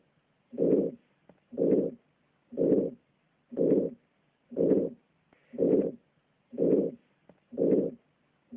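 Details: Aortic stenosis: narrowed aortic valve causing a regular harsh crescendo-decrescendo late systolic ejection murmur overlapping end of S1 and start of S2, about 60 beats a minute.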